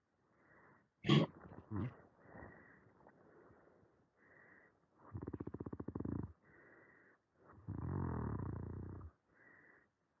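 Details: Male patient's sleep study audio with normal AHI, ODI and mean saturations: loud, coarse, rattling inspiratory snores every two to three seconds between quieter breaths; obstructive snoring during respiratory events.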